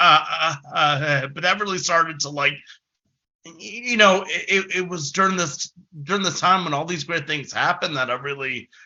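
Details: Adult male who has stuttered since about age six: stuttering.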